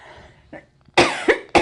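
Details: Adult with a sinus problem that day gives a loud, harsh cough burst, then a second short cough, in a quiet room.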